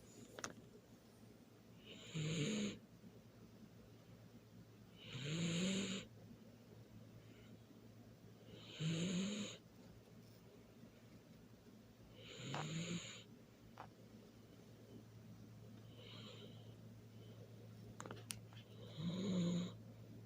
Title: Sleepy Baby ❤️ So Cute *snoring